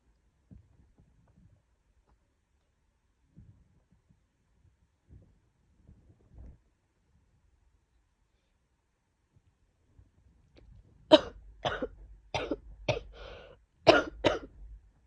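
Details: Person coming down with another bad cold, possibly caught from a roommate, very sneezy with a cough that keeps getting worse; after near silence, about six short, harsh cough bursts in two groups; coughing.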